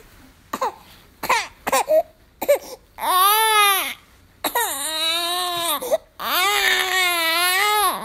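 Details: Infant fusses in short whimpers, then breaks into long, loud, wavering wails with brief breath pauses; sound-effect recording; infant crying.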